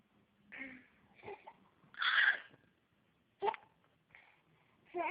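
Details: Infant hiccups: several short, abrupt hiccup sounds mixed with breathy giggles and small vocal sounds as the baby laughs at his hiccups.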